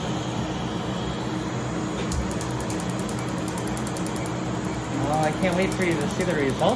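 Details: Second Medlite C6 Q-switched laser tattoo removal session, including a name and crown, after a test shot: fast steady train of sharp high ticks, two or three a second, over room hum; Q-switched laser firing.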